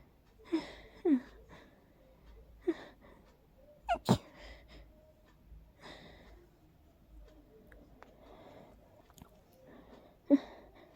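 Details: Quiet run of about five short, sharp sneezes with soft breaths between, in a small room, induced by deliberately smelling daisies in a person who is extremely allergic to daisies.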